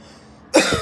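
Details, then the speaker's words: Imitated single short, harsh cough burst, demonstrating the upper airway cough of pharyngitis or laryngitis, where the irritant is in the trachea, larynx or pharynx. "that is the cuff that will be there in a case of fitis or laringitis where the irritant is in the trachea or in the larynx or in the FX right"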